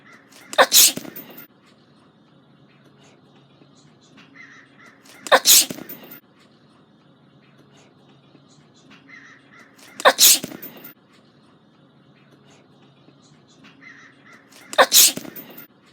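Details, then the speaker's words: Self-recorded attempt to sneeze as many times as possible: four loud, sharp sneezes at a steady pace, about one every five seconds, with quiet breathing between; sneezing. "Today I'm going to be showing you guys how many times I can get out of that glare. I can sneeze."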